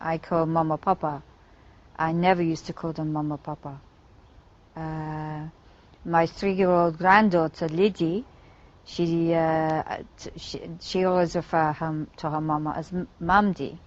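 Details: Adult female English speaker with foreign accent syndrome that began after a migraine; listeners hear an Eastern European or French accent; suspected functional (psychogenic) foreign accent syndrome.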